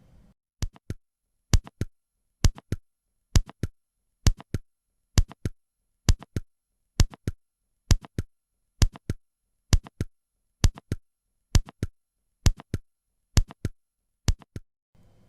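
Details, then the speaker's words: Simulated mitral valve prolapse: heartbeat about 66 a minute with a mid-systolic click between the first and second sounds, giving three sounds per beat. "начнем с пролапса митрального клапана систолический Клик щелчок между первым и вторым тоном Таким образом мы будем слышать три тона"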